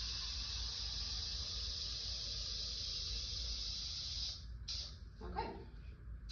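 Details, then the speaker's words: Anesthesia machine pre-use pressure check with the circuit plugged: the O2 flush valve is pressed and a steady loud hiss lasts about four seconds as the reservoir bag fills, watching that the manometer stays under 20 cmH2O. Oxygen flush hiss. "So what I will do is I plug it, I'll press my O2 flush valve, watch this expand."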